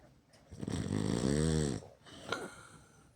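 One loud, rattling snore on a breath in, followed by a softer breath out; loud snoring.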